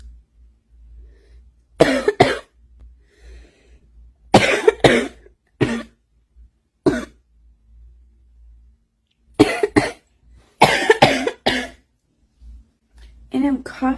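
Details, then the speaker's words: Adult woman who smokes gives about eleven harsh coughs in short bursts and pairs, then says her lungs want a cigarette; smoker's cough. "my lungs are telling me hey do you need a cigarette oh I would kill for a cigarette and coffee right now ouch"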